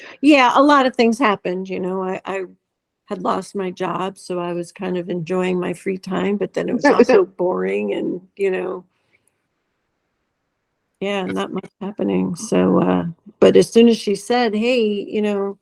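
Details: Adult woman speaking; normal speech.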